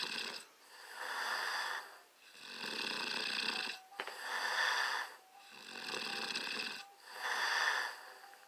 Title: Notice my cute little snore my hubby caught. Everything I do is noteworthy. 😆